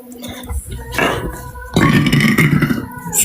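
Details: Burp compilation from a TikTok creator: two loud, drawn-out belches with a low rumbling tone, faint music and room noise in the background; burping.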